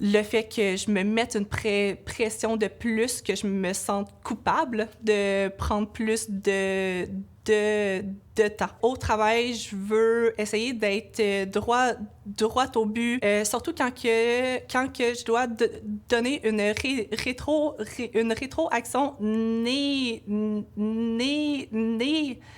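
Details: Adult woman, a French-speaking laboratory supervisor, who has stuttering.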